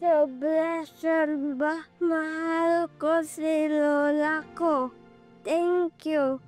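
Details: Dysarthria in an 11-year-old boy with cerebral palsy who cannot walk and has difficulty speaking.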